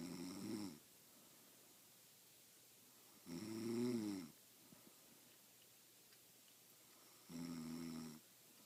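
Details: Female friend who denies snoring, recorded asleep: three fluttering, buzzy snores with quiet pauses between them, about 16 a minute, in a quiet room.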